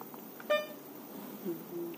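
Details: Mindray SK-600 infusion pump being set up: single short electronic beep as a keypad button is pressed, in a quiet room; infusion pump keypad beep.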